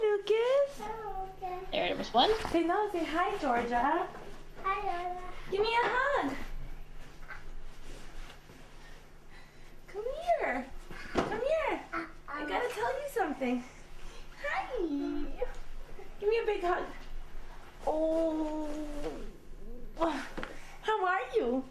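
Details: Child with signs of autism, shown as an example, repeating an adult's words exactly in a non-functional, non-communicative way; echolalia.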